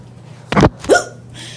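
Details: Hula hooper with hiccups while hooping: two sharp, abrupt gulping sounds close together, each a sudden catch of breath; hiccups.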